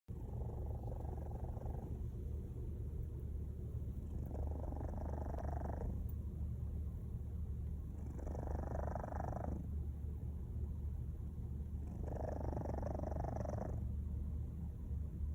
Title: Cat snoring